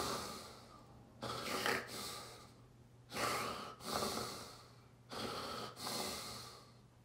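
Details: Loud, harsh snoring and gasping breaths, about 30 a minute, in irregular bursts; real stertorous breathing in an adult man during a full tonic-clonic (grand mal) seizure preceded by a déjà vu aura, lying on his side, recovery drug missed.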